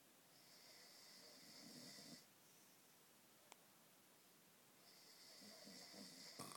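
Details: Two long, rattling in-breaths while asleep, separated by a quiet pause, with a faint whistling edge; snoring.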